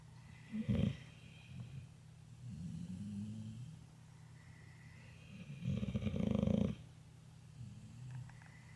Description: She falls asleep with the flicker of the TV lights, and begins to snore.